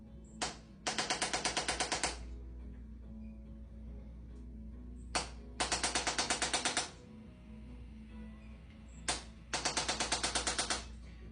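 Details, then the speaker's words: Chiropractic adjusting instrument on a pregnant patient, light gentle impulses to one side of the spine to relieve muscle tension: three bursts of rapid clicking taps, each a single tap then about ten quick ones, with faint background music. "especially with pregnant patients we don't want to be too forceful so we don't use a lot of aggressive Chiropractic Maneuvers with them we like to just keep things kind of light only move what needs to be moved relieve muscle tension"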